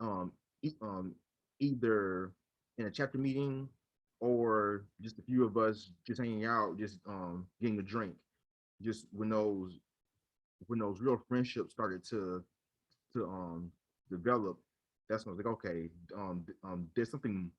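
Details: Adult man with real, lifelong stuttering since childhood, speaking with his own stutter in a podcast interview; stuttering.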